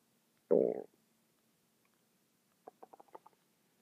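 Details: One brief gurgling rumble, then a quick train of soft bubbling pops in a quiet room, from a stomach making noises non-stop for 10 minutes: stomach rumbling (borborygmi).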